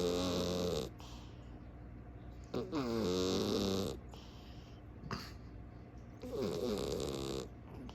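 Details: Calico cat snoring and snorting in her sleep: loud, rasping snores on each breath with quieter pauses between, about 19 breaths a minute; snoring.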